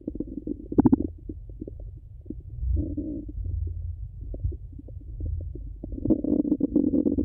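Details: Continuous low gurgling and rumbling with frequent bubbly pops; active, normal bowel sounds.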